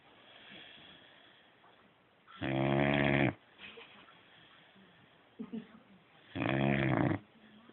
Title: Snoring boxer